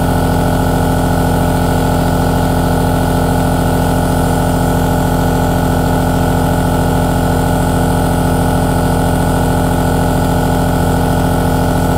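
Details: Steady droning motor hum with fast, even pulsing throughout from a compressor aerosol nebulizer running continuously, recorded in high quality; nebulizer running.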